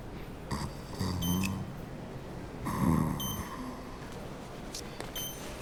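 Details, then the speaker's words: Adult man snoring while asleep on a TV medical show; wife reports he always snores like this and suddenly chokes and stops breathing; doctor suspects sleep apnea or airway obstruction. "Está roncando. Siempre ronca así. Sí. La llega a levantar. Sí. Yo me voy al sofá definitivamente."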